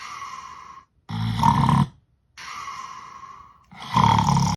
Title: 34 SNORES